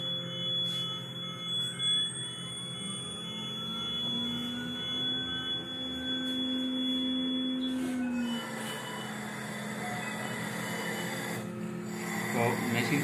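Steady electronic tones and rising whines with a fan-like hum as a mechanical ventilator powers on and runs its startup.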